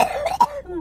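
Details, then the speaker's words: Cough in cystic fibrosis, from a patient whose lungs are still bad, recorded in the car. Two short, harsh, throaty cough bursts. "much coughing between the car and I think I cough the entire way and then I realized the person in like a few people in front of us were smoking so I was like trying to breathe through my coughing and I'm breathing in Smoke"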